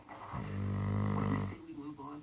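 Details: Sleeping and snoring: a single loud, low, buzzing snore lasting about a second, followed by a softer breath.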